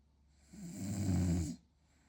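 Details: French bulldog in deep, relaxed sleep snoring: one long, deep, rumbling snore on breathing in, about a second long.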